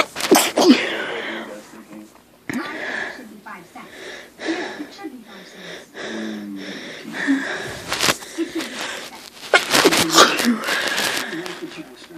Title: After sniffing a flower...